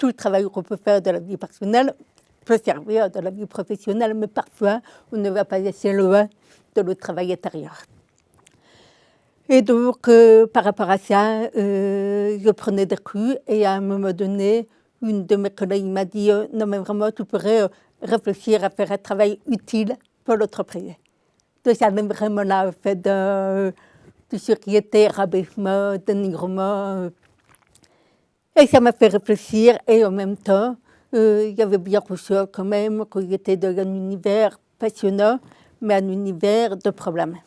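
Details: Adult woman with congenital deafness diagnosed at 9 months; a doctor predicted she would never speak; oral speech learned through 20 years of speech therapy, three sessions weekly; she says her deafness is audible in her voice; deaf speech (congenital hearing loss).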